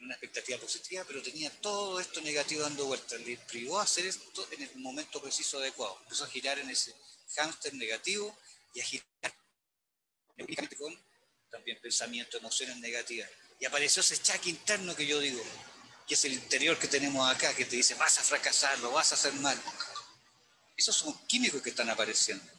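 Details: Adult male speaker; stuttering.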